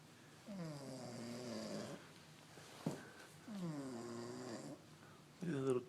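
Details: Girl passed out asleep with legs spread out, snoring: drawn-out, groaning, buzzy breaths with a brief sound between them in a quiet room; snoring during sleep.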